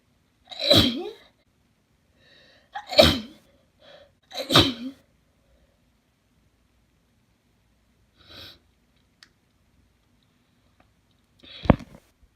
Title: wet sneeze attack